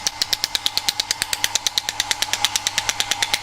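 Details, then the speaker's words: Radial shockwave therapy device treating two lower lumbar back muscles, targeting only the muscles to relax the area: rapid, regular sharp clicking bursts at about 14 per second. "And then what we're going to do, we're going to go ahead and perform the treatment. It's very, very easy. So you're going to the target area, which is the two muscles."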